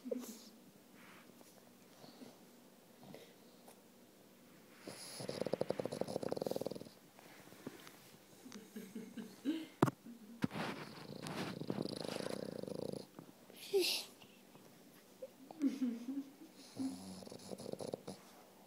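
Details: Male French Bulldog asleep on his toy, snoring in rough, rattling breaths, some loud and some softer.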